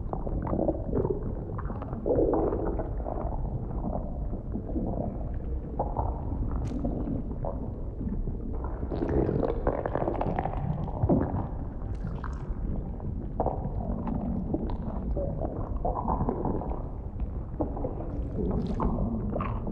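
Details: Close-up stomach rumbling recorded for ASMR audio while the performer keeps snacking: continuous deep rumbling and gurgling with shifting low tones as food digests.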